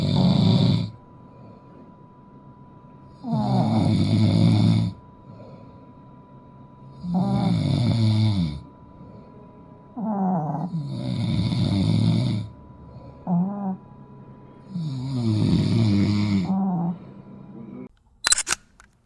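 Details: Combined snoring of a napping father and his long-haired Chihuahua: deep rattling snores about 16 per minute, each one to two seconds, with quiet gaps between.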